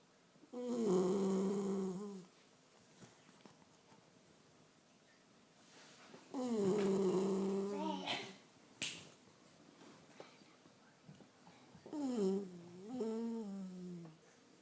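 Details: Sleeping 12-week-old Labrador puppy snoring loudly: three droning, whistle-toned snores, about ten breaths a minute, in a quiet room.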